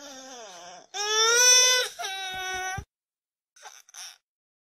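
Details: A newborn's cry: a high-pitched, rising wail in two bursts with brief gasping breaths, then soft whimpers.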